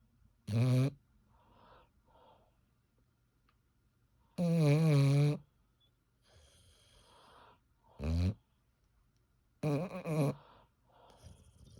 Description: my English bulldog asleep. he has got the loudest snore ever